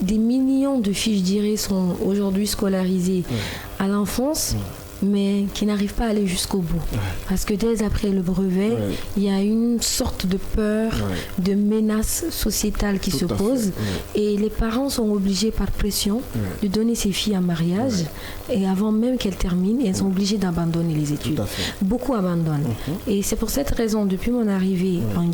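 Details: Adult woman speaking French; ordinary speech.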